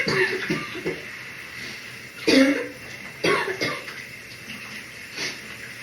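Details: Morning cough in the shower: three or four short coughs with throat clearing over the hiss of running shower water.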